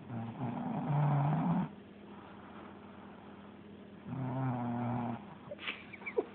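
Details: A sleeping school-age boy who says he doesn't snore is snoring before being woken in the morning for school. Snoring.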